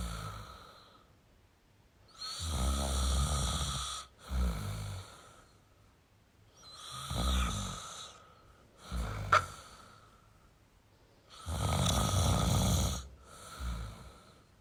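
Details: Adult male snoring: loud, rough, rattling snores on breathing in with quiet gaps between, about four snores in fifteen seconds; typical snoring.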